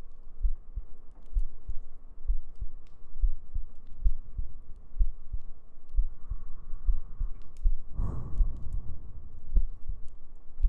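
Steady, regular low heartbeat thumps at roughly 85 beats a minute over a soft hum.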